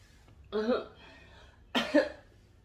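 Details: Two harsh, throaty cough bursts in a small room, in a recording about smoking and coughing.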